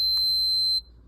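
Single high-pitched electronic beep lasting under a second as a feeding pump is switched off.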